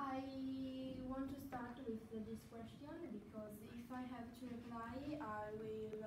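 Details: Italian female student speaking English as a second language, stammering since she began speaking, self-described primary stammer that regresses with age; stuttering.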